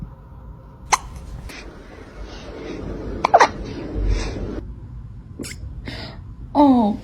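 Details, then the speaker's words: Cat with hiccups: about five brief, sharp hiccup clicks at uneven intervals over low room noise, then a short high-pitched meow; owner's voice nearby. "baby you're okay honey come here are you crazy filling my kid look at me you have the hiccups oh hello oh God"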